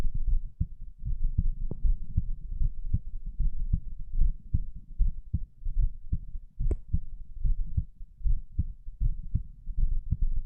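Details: Normal heart sounds recorded during abdominal exercises (sit-ups). Only a few were done, so the rate is only mildly raised: a regular low thumping heartbeat at about 76 a minute.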